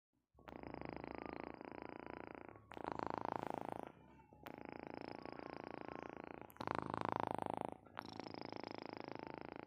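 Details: Napping cat snoring: steady rumbling, purr-like breathing growing louder on alternating breaths during sleep.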